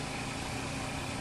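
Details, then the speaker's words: Steady hum and hiss of a portable suction machine during tracheostomy suctioning: the catheter is inserted to resistance at the carina, withdrawn ½–1 inch, then intermittent suction is applied; suctioning ordered every 2 hours and PRN. "I will withdraw the catheter approximately a ½ inch to an inch, and then apply suction intermittently with my non-dominant hand."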